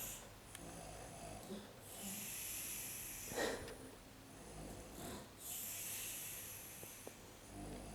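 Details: An adult woman's slow, noisy breathing with rough, fluttering inhaled sounds and a snort, against steady room hum; snoring with an irregular pattern.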